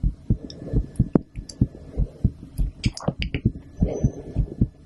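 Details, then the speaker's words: Woman's heartbeat recorded through a stethoscope after her second blood draw in a week: steady beat about 100 per minute with faint rustling and background noise. "so this is the second blood draw that i've had in a week and uh it should be the last one for a little while but i wanted to record my heartbeat so i hope you enjoy"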